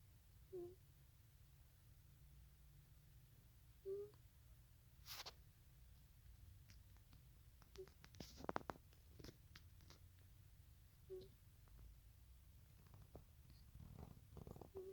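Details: Bubbles the cat, very tired, snoring while asleep, recorded close up: short, soft snores about every three and a half seconds over a low rumble.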